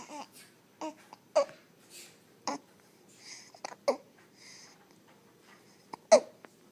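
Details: Infant hiccups: sharp, brief catches recurring about every 1.2 seconds amid soft baby babble.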